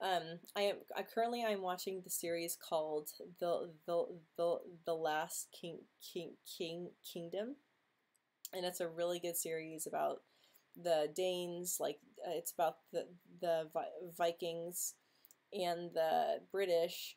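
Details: Female host who stutters; stuttering.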